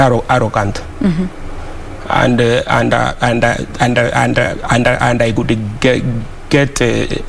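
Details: Adult man who stammers, speaking on a TV talk show; word and part-word repetitions; stuttering.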